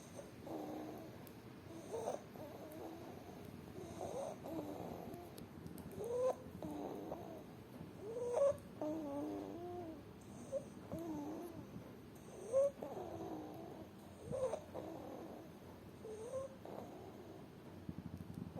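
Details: Infant on day 163 with bilateral vocal cord paralysis: loud, harsh, high-pitched noisy breathing, stridor.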